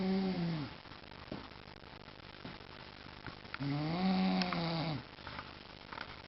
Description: My dad snoring on the couch